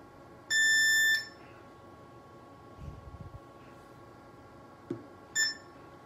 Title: Smart-Wave Shockwave therapy machine BS-SWT2X 3-in-1 version(Physiotherapy, Beauty, ED)